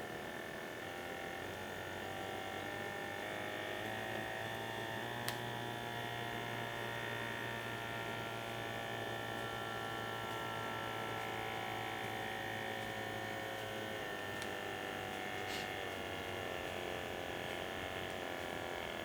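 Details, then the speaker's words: Steady low pump whirr of an automatic upper-arm blood pressure monitor cuff inflating at heart level, with a faint rising mechanical tone and small clicks; reading afterwards 136/87 mmHg, heart rate 75, rated normal. "please keep silent and relax keep the cuff at heart level start measurement now"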